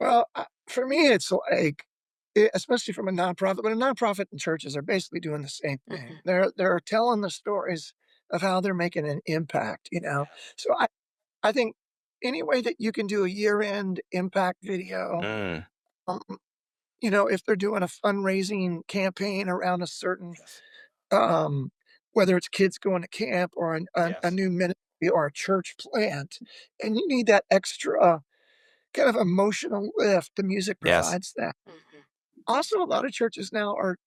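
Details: Adult male former professional lead singer with spasmodic dysphonia, onset of voice loss at the height of his career, which ended his music career; says it is audible in his voice; speaks quietly with a microphone.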